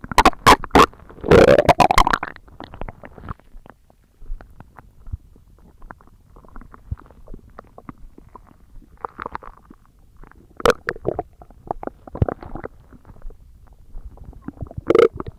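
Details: Stomach growling (borborygmi) recorded for ASMR: irregular gurgles, squeaks and rumbling bursts, louder at the start and near the end.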